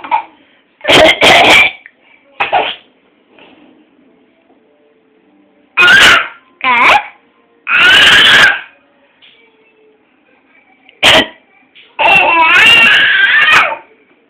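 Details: Several sharp adult coughs, each followed by an infant's squealing laughter, in a quiet room.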